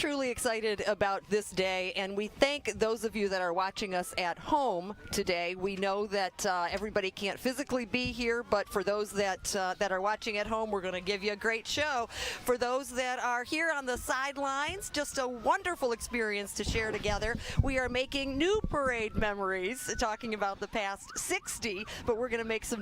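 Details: Adult woman speaking; Normal voice.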